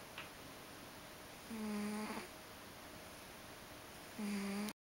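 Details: Sleeping Ragdoll cat: two soft, buzzing, whistle-like snores with a quiet pause between; ordinary snoring.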